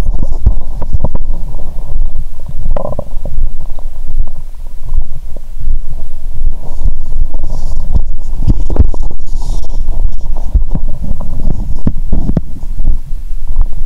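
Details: Adult woman's abdomen via stethoscope after a heavy Christmas dinner and wine following 22-hour fast, still swollen; continuous low gurgling, bubbling, irregular pops and rumbles; heart beating faster from alcohol; active bowel sounds.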